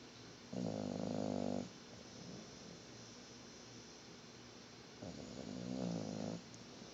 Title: Sugar bear snoring and farting!